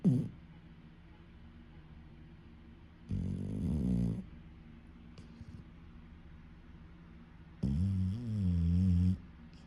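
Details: Deaf dog snoring while asleep: two loud, low, rattling snores a few seconds apart, separated by quiet breathing.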